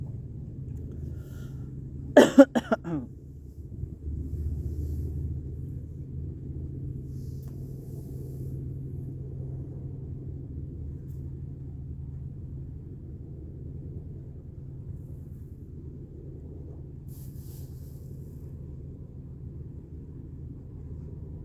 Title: Insect on yarrow. Warning; Watch without sound! I am coughing and the wind is blowing.